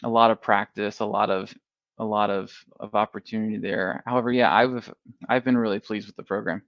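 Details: Adult male who has stuttered since early childhood, first noticed in first grade, now in the MPI2 therapy program; repeated part-words and whole words heard: stuttering.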